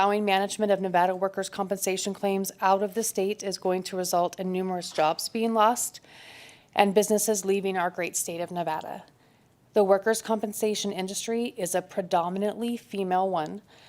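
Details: Adult woman speaking; normal voice.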